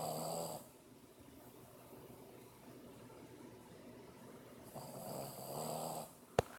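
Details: A 7-month-old Boston Terrier snoring: two loud rattling snores separated by a quiet pause, with a brief click near the end; ordinary snoring.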